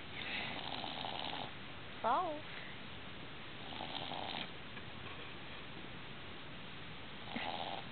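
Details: A sleeping dog on the couch gives three raspy, rumbling snores several seconds apart, with one brief high whine between them; ordinary dog snoring.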